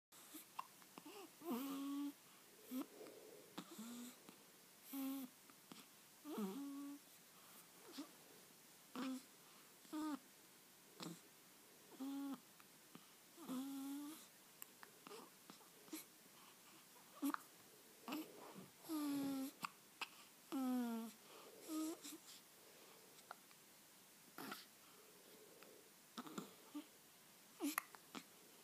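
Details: Nasty hiccups in a child: repeated short, abrupt voiced gasps at irregular intervals.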